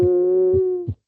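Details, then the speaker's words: Simulated VR patient lung sounds in all fields: steady musical whistling over soft low breath thumps, quieter and less continuous from reduced airflow, as in severe asthma or obstructive airway disease: low-airflow wheezes. "It then changes the lung sounds. It triggers the lung sounds to change. It defines them. You can go into your diagnostic tools and listen, and now you've got wheezes in all fields."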